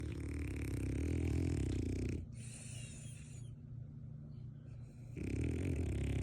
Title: SNORING FRENCHIE COULD WAKE UP THE WHOLE NEIGHBORHOOD 😂